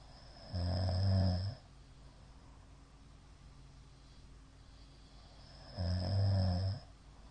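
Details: Middle-aged man snoring during sleep, sleep apnoea suspected from shallow hypopnea count: two loud, deep snores about five seconds apart with quiet breathing between.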